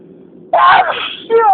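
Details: Loud sneezing fit; a quiet lead-in, then a sudden loud voiced burst with a trailing cry-like sound; ordinary sneeze.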